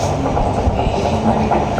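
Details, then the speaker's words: Fetal heart on Doppler placed over fetal back, demonstrating a rate too fast: rapid, galloping whooshing heartbeat; fetal tachycardia, a sign of fetal distress (normal 120–160, distress above 160). "Misalnya frekuensinya cepat lebih dari 100 kali per menit ya. Begini."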